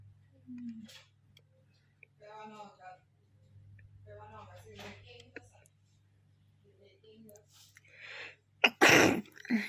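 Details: Sneeze triggered by a COVID-19 nasal swab test: soft talk and breathing over a steady background hum, then one forceful sneeze near the end.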